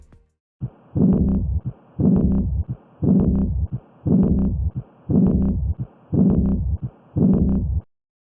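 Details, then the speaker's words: Simulated regular heartbeat near 58 a minute with a soft blowing diastolic murmur following the second sound, from incomplete aortic valve closure; aortic regurgitation murmur. "incomplete closure of the aortic valve allows blood to regurgitate back into the ventricle this turbulent blood flow causes our diastolic murmur"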